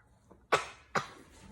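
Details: A child makes two short, sharp coughs in quick succession on purpose, demonstrating how to cough into the elbow, in a quiet small room; cough.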